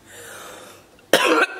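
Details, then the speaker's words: 31-year-old woman, sick for a few days, gives a single harsh, loose cough burst while talking; a chesty cough. "am ready ready but one yes I've been sick for the last couple of days you can probably hear"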